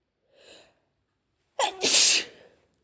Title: Apology sneezes